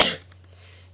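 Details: One brief, sharp cough burst from an adult, fading quickly into quiet room hum.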